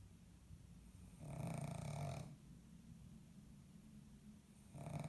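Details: Sleeping pug snoring: low rumbling snores, two loud inhalations in five seconds, with quieter breathing between.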